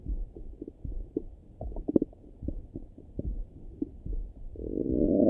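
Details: Person's own morning stomach rumbling through a stethoscope: soft, irregular gurgles and pops with a rising rumble at the end, ordinary bowel sounds (borborygmi).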